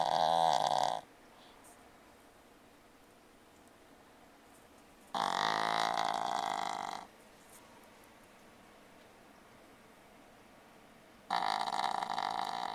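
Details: A pug snoring during an afternoon car ride: loud, harsh, fluttering snores on each breath, roughly every five to six seconds, with quiet gaps.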